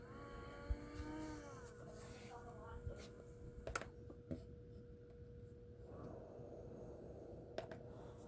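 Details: Faulty CPAP machine, which the supplier said needed replacing: a steady mechanical whir with a constant hum; abnormal CPAP whirring.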